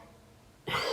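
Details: A dog coughing in the background of a recording: after a quiet stretch, a single sudden, harsh burst begins near the end. Cough.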